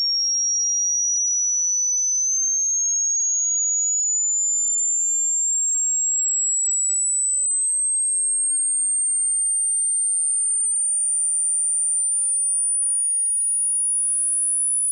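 A pure, steady whistle that slowly rises in pitch to very high, a tone sweep for testing hearing.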